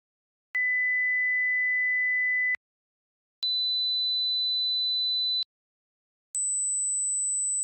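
Three steady pure tones, each about two seconds with short gaps, stepping up in pitch: a hearing age test sequence where higher tones become harder to hear with age.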